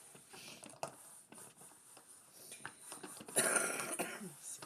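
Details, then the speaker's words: Several short, rough coughs and throat-clearing from an adult in a kitchen, described as asthma and smoker's cough mixed together. "Excuse me, bit of asthma and smoker's cough all mixed together."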